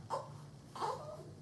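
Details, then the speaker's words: Two brief fussy cries from a two-week-old baby girl with oral thrush, the second trailing into a whimper; her mouth is thought to be bothering her. Ordinary newborn fussing. "she's fussy um"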